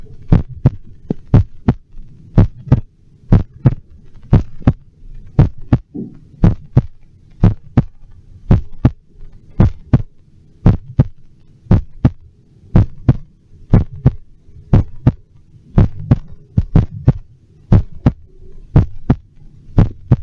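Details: Normal heart sounds amplified through an electronic stethoscope: steady paired heartbeat thumps at about 60 a minute over a low background hum.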